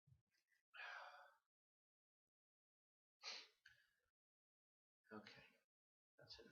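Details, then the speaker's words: Sneezing fit in a person alone: three or four sharp, breathy sneezes a couple of seconds apart, each preceded by a brief intake of breath, part of a long run of repeated sneezes. "Here we go again. Oh. Oh no. It's not. It's another one coming. Knew there was one. How many are we gonna get?"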